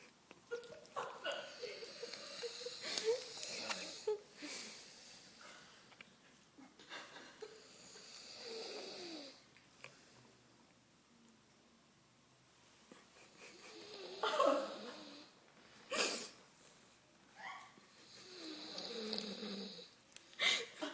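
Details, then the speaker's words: Loud, rough snoring breaths with whistly, wheezy tones at irregular intervals in a quiet room; snoring. "We're stuck with the snoring monster."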